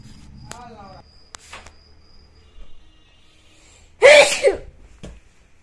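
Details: A sharp, forceful sneeze after a brief intake of breath, with a few small sniffs and noises around it; one of a series of messy, uncovered sneezes.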